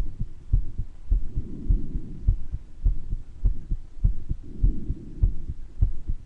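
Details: Person's own heart murmur recorded during mild bronchitis, occasional wheezes noted: regular heartbeat about 100 a minute with a soft whooshing sound filling gaps between some beats.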